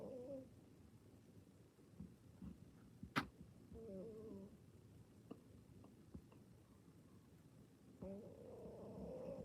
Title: My cat snores lol (you might have to turn sound up)